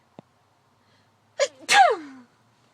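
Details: Single sneeze from a girl or woman: a quick sharp inhaled catch, then a loud explosive burst trailing into a falling voiced tail, in a quiet room.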